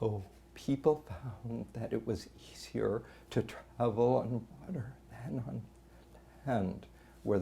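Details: Physician imitating abductor spasmodic dysphonia while reading aloud, with abductor spasms making the voice drop away to nothing; abductor spasmodic dysphonia (imitated).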